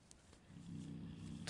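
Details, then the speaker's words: Sleeping dog's low, rumbling snore, rising in the second half of the clip, over quiet room noise while a person gives crochet instructions; snoring. "Je ne sais pas si vous allez entendre le ronflement de mon chien, mais en tout cas, je vous préviens au cas où."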